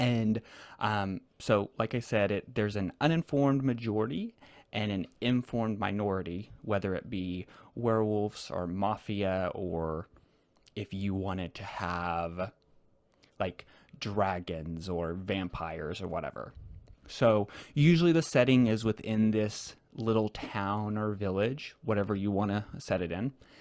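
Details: Adult male guest who stutters, speaking naturally in a real conversation; stuttering.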